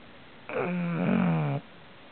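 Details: Loud snoring from a sleeping person.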